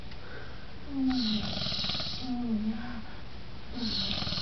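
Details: A man passed out asleep snores loudly and roughly on inhalation, about two snores every four seconds, with television sound in the background.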